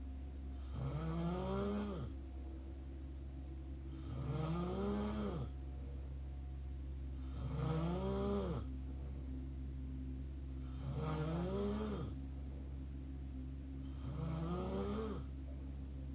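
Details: Mouth snoring: five loud, rattling snores about every three seconds, roughly 19 breaths a minute, over a steady hum.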